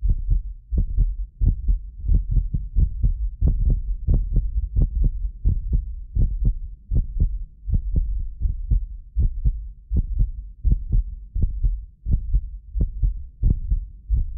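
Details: Steady deep heartbeat thumps at about 87 a minute from a medically fit adult, recorded with several precision contact microphones. Occasional doubled beats are a microphone-delay artefact. Normal heart sounds.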